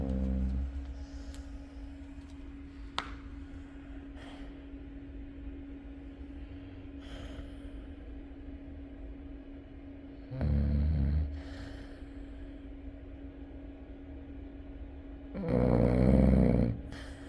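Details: Chow Chow dog: low rumbling snores, three episodes at about twenty-second intervals, over a steady background hum; ordinary dog snoring.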